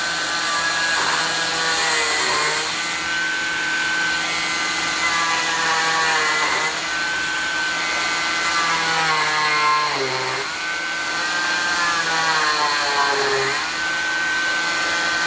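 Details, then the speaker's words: Cast saw on low speed cutting a fiberglass cast by the in-and-out method: steady whine with vacuum hum, pitch dropping and rising about every three seconds as the blade penetrates the fiberglass and backs away, keeping it cool. "when doing the in and out method the blade doesn't overheat and you can actually feel the blade penetrate the fiberglass"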